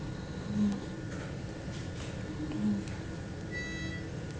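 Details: A child with hiccups: two short, abrupt, low catches a couple of seconds apart, a harmless hiccup reflex.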